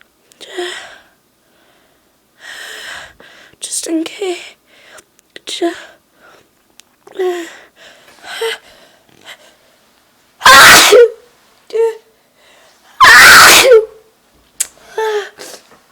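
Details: Person feeling very sneezy, holding off blowing the nose: loud, explosive repeated sneezes with gasping in-breaths and a quiet, high voice between them.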